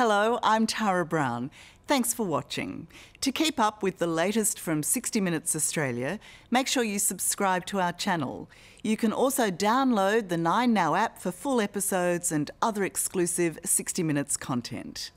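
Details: Adult woman speaking; normal speech.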